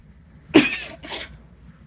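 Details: Sneeze in a comedy short, followed by "bless you"; the sneezer says it's just allergies.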